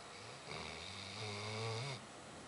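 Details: Tired sleeping Airedale dog giving a single drawn-out, rumbling breath with a low buzzing flutter; snoring.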